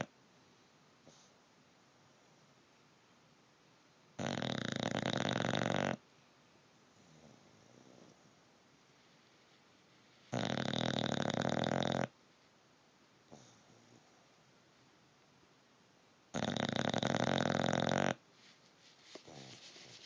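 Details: Sleeping bulldog snoring: loud, harsh rattling snores about every six seconds, each lasting about two seconds, with quiet breathing between them.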